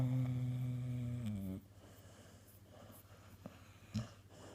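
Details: Snoring during sleep: a brief humming, vibrating snore that fades into quiet breathing, with one soft snort near the end.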